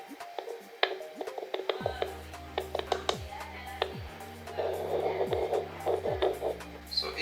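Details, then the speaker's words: Handling clicks, then a low droning hum with swooping thuds as the sensor of a Procare 007+ fetal Doppler is touched during unboxing; probe contact noise, not a heartbeat. "এবার এই যে হচ্ছে এই sensor. ঠিক আছে? So আমি যখন সেন্সরে touch করব এটা কিন্তু বিপ দিবে সরি।"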